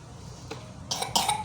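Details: Two short, soft coughs from a child (Vino) with recurring allergic cough, recorded before nebulization with a face-mask nebulizer; dry allergic-type cough over faint room noise.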